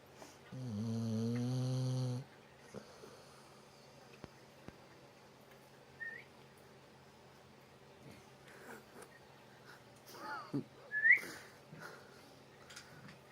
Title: My dog snoring